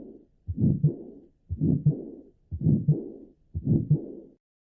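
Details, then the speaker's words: Four regular heartbeats near 59 a minute, each with a loud, rough whooshing murmur filling much of the cycle; a grade 6 murmur, audible even without a stethoscope, demonstrated in cardiovascular semiology practice. "un soplo grado 6 es audible incluso sin estetoscopio"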